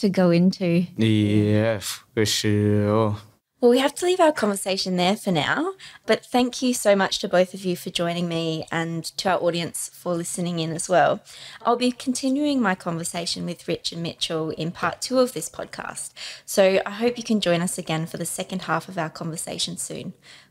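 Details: Adult woman; fluent speech.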